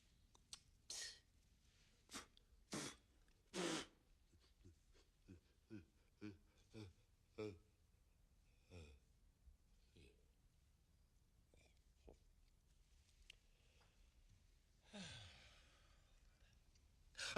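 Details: Acted sneeze from a film scene in an art gallery, where the sneeze ruins a painting: several loud explosive bursts with short sniffs and catching breaths between them.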